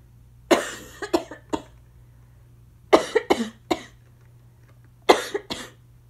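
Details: An adult with asthma coughs in three bouts of short, harsh coughs, about a dozen in total, over a faint steady hum; inhaler use is possibly audible.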